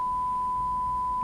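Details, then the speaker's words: A steady, pure mid-pitched beep of about one second: a pure-tone audiometry test tone during bone-conduction testing, with the patient raising a hand when the tone is heard. "Ya cambia de frecuencia, digamos que lo pone en 500 y le pide al paciente que levante la mano cuando lo escuche."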